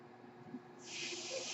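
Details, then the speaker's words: Speaker's own ventilator heard during a podcast recording: quiet room hum gives way to a steady airy hiss as the ventilator pushes a breath. "My name is. That noise you're hearing is my ventilator."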